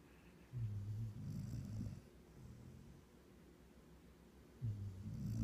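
Low, soft, fluttering snores on the breath, about two cycles in five seconds, in a quiet room. Gentle snoring.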